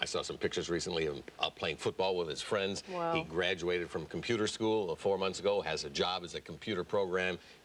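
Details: Adult male speaker; Ordinary speech.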